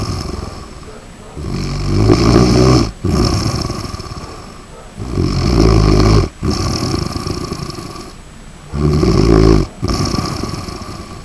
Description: Skippy snoring like human.He's 5 years old chihuahua.A very smart dog.